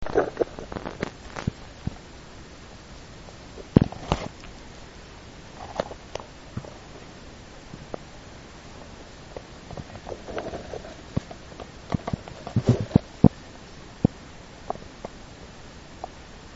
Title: stomach growling